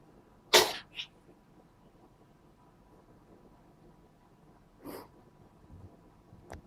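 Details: Cat sneezing many times in a row until tired of it: a sharp sneeze with a small follow-up, then a softer sneeze and faint snuffles after a pause.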